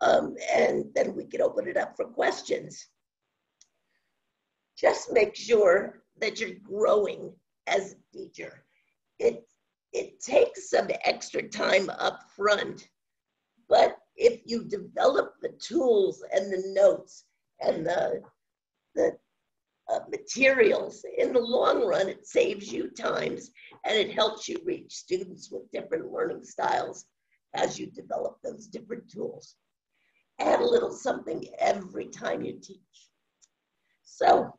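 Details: Adult woman with spasmodic dysphonia, which she says has no cure and began around 2010, progressively worsening since; she was awaiting a Botox injection that her doctor postponed; spasmodic dysphonia.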